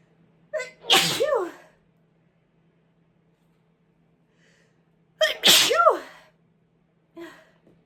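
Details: Sneezing while sick: two forceful sneezes, each with a sharp in-breath before the burst, then a short trailing sound.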